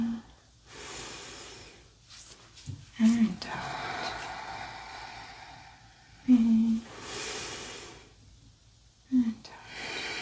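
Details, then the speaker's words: Posterior lung auscultation during a physical exam roleplay: slow deep breaths in and out with soft, even airflow and no wheeze or crackles, judged healthy; normal breath sounds. "So the back of your lungs sounds very healthy."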